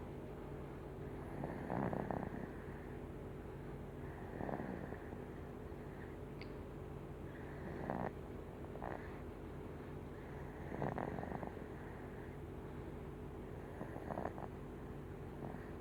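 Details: Infant (nephew) snoring: soft, rough snores with each breath, about 15 breaths a minute, over steady room hum.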